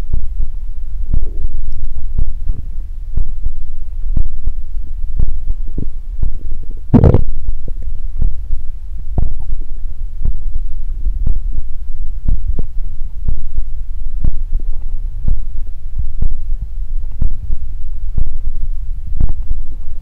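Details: Low rumbling from the belly with frequent short gurgles and pops, recorded as body ASMR: ordinary stomach growling from active bowels.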